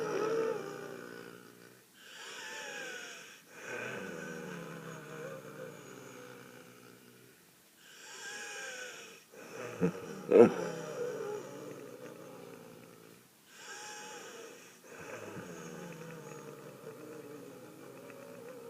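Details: Wheezing: musical, whistling tones through each breath, typical of narrowed airways.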